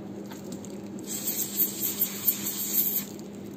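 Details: Hissing high-pitched water spray with soft spattering pulses for about two seconds from a dental handpiece during access opening of a posterior tooth in a live root canal treatment, before canal finding with a DG16 endodontic explorer.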